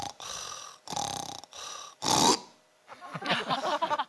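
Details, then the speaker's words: Imitated snoring of an adult man with sleep apnoea, later prescribed CPAP: rough snorting breaths ending in a loud snort, a brief silence, then talking resumes; his breathing pauses while snoring. "근데 그마음 때쯤 제가 김배호 씨의 수면 무호 문제를 발견했어요 몰랐어요 저는 코를 고는데 듣고 있으면 숨을 안 쉬는 거"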